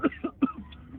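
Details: Three quick, harsh cough bursts in about half a second from a friend after inhaling a blunt described as harsh, an irritant cough from smoke.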